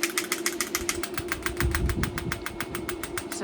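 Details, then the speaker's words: Shockwave therapy on a 5-year-old Thoroughbred horse's pelvis at intensity 35, to break up scar tissue and ease pain and inflammation: rapid, steady clicking pulses about 200 a minute over a low hum; device pulses. "now we're on 35 M Mill is how you measure shocks and this is just doing his pelvis now this is just to break up any scar tissue help with any pain and inflammation"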